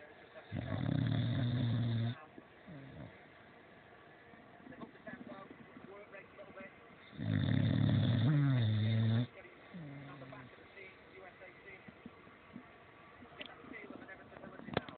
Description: Fox sleeping & snoring up the caravan site in the caravan.